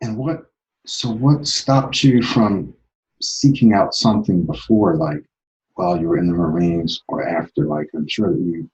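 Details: Adult male speaker; typical speech.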